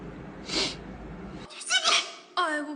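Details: Blackpink members sneezing: several brief, sharp, hissing sneeze bursts from more than one person, with voiced exclamations afterwards.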